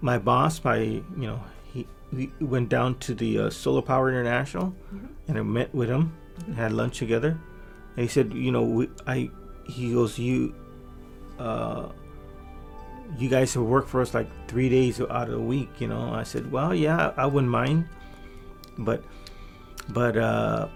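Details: Adult man with residual aphasia from a massive stroke about 3 years earlier, before brain training; much language regained but fluency still impaired, with word-finding pauses; aphasia.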